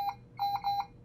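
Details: Quick series of short high-pitched electronic beeps from a Puritan Bennett 560 ventilator, its alarm tone played while the alarm volume preference is being set.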